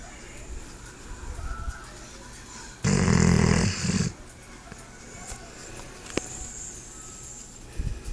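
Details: Sleeping dog snoring: one loud, rough, rattling snore lasting about a second, amid quieter breathing and faint room noise.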